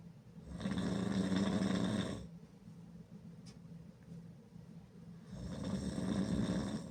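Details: Heavy, loud open-mouth snoring, like a motorcycle: rough, rattling snores on inhalation, about two breaths in seven seconds, with quiet breathing between.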